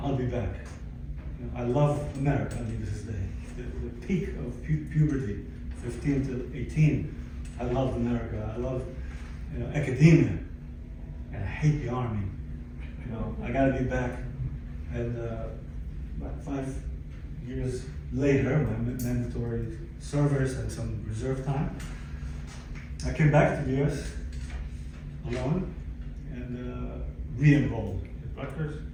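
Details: Adult man, 62, formerly fluent in several languages, with aphasia acquired after a stroke in December 2011 following a cardiac ablation procedure, affecting language, speech and understanding; aphasia.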